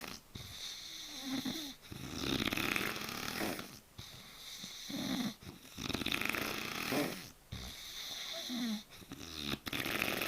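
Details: Rough, rattling snores with each breath, about 17 per minute, separated by brief quiet gaps; ordinary snoring.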